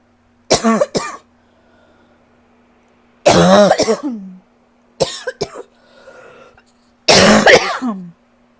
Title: #12 - I can NOT shake this cough